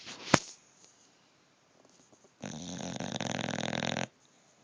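A loud, rattling, fluttering breath of about a second and a half after a quiet stretch: a dog's snore.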